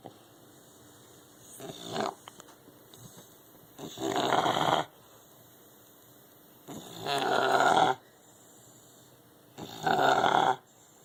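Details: Sleeping English bulldog gives loud, rasping, fluttery snores on each breath, about 20 a minute, with quiet gaps between: snoring.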